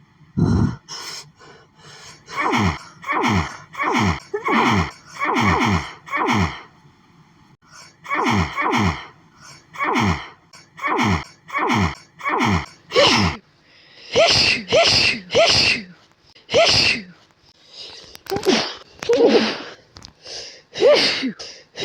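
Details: Adult with itchy, tickly nose all day and unknown trigger, suspected allergy, trying to sleep: repeated sneezing fit, rapid runs of about two dozen short sharp sneezes with brief pauses.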